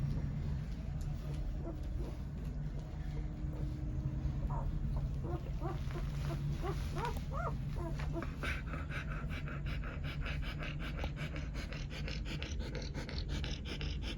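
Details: Two-day-old long-coat German Shepherd puppy hiccupping in its sleep: soft squeaks, then a run of quick, regular little jerky pulses.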